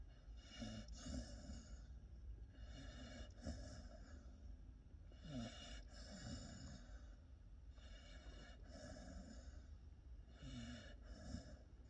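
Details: Pitbull puppy snoring while asleep.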